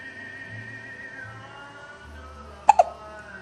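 Two quick, sharp hiccups close together over soft background music.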